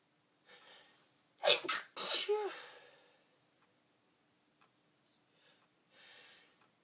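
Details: Early-morning sneezing attack while putting clothes together: a quick run of two or three forceful sneezes, each after a sharp inward breath, then quiet breathing; a sneezing fit.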